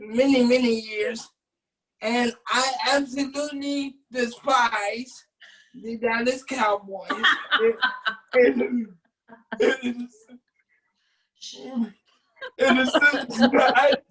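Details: Adult man with cerebral palsy since birth, wheelchair user, whose family was told at birth he would not be able to speak; dysarthric speech (cerebral palsy).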